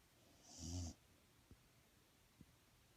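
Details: Snoring: one low, rumbling snore on an in-breath, then quiet breathing with soft nasal clicks.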